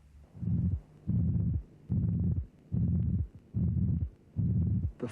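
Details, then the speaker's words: Simulated pansystolic murmur with a pathological third heart sound, from a cardiac auscultation teaching programme, at about 73 a minute: a long, flat systolic murmur obscuring the first and second sounds, each followed by a gap and a low third heart sound. "now we will listen to a pansystolic murmur with a pathological third heart sound"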